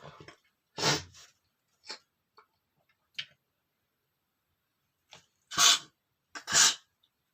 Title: sneezing male #16 (SOFTY SNEEZING!!)